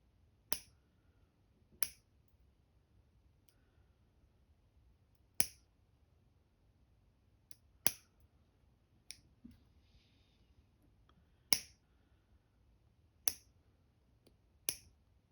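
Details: Toenail being cut during an ingrown toenail spike removal pedicure: sharp, crisp snipping clicks at irregular intervals, about eight cuts from clippers trimming the toenail.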